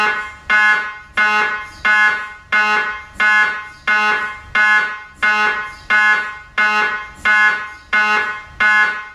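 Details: Loud, regular buzzing tonal pulses, about 44 a minute, each fading away, with human vocalizing and laughter around the recording; MRI scanner running a sequence.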